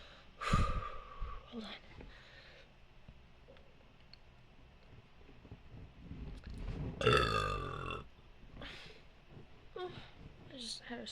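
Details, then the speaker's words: Deliberate big burps after swallowing air: two loud, long burps with quieter throaty sounds between them; voluntary burping. "slch [Music] there we go there's a big one okay wait kind of here it oh that one wasn't smooth oh"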